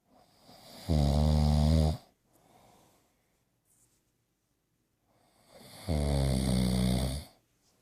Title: snores